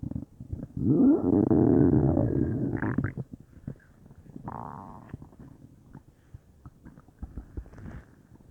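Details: Bowel sounds (borborygmi) from a belly that felt bubbly, stomach or intestines unsure: a loud gurgling, bubbling rumble followed by softer irregular pops and squeaks.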